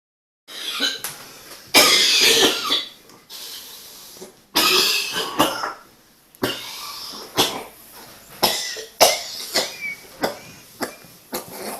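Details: Hospitalized patient with cough syncope, on EKG monitoring: repeated harsh, forceful coughs in runs, a paroxysmal coughing fit.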